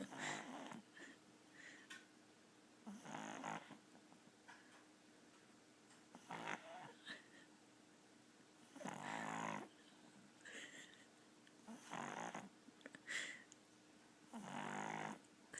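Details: Sleeping pug snoring: repeated snorting, rattling breath sounds at about 22 per minute, typical of a flat-faced breed.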